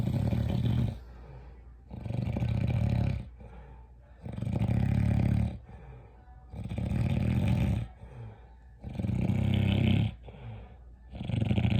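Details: Loud, deep rattling snores on each inhalation, about 11 breaths a minute, with quieter exhalations between; heavy snoring.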